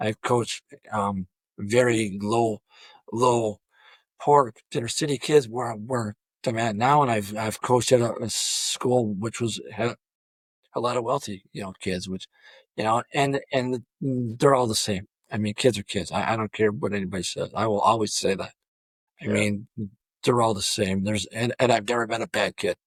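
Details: Adult male high school football coach with over 34 years of coaching who has stuttered throughout his career; stuttering.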